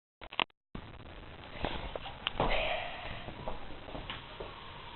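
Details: A small dog sneezing: two quick, sharp nasal bursts, followed by room noise and faint movement.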